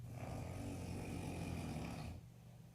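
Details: Man (father) snoring, jokingly captioned as a grizzly bear: one long, deep, rumbling snore lasting about two seconds, then quiet. Snoring.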